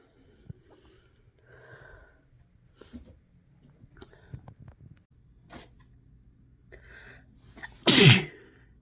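Quiet sniffs and breaths build up to one loud, explosive sneeze near the end; an ordinary sneeze.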